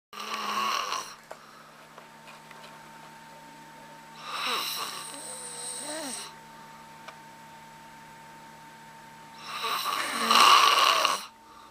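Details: Loud, annoying snoring: three loud, harsh snores about every five seconds, roughly twelve breaths a minute, with a steady room hum; heavy snoring.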